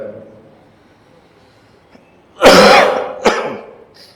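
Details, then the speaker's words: An adult speaker with a very hoarse voice from an ongoing cough gives two harsh coughs, a longer burst then a short one, after a quiet pause in a quiet room; cough. "Bapak Ibu, mohon maaf ini suaranya serak banget karena sedang batuk. Tapi mudah-mudahan bisa dipahami."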